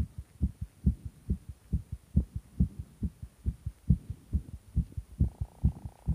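Strong, regular, fast lub-dub heartbeat, about 136 beats a minute, pounding and forceful.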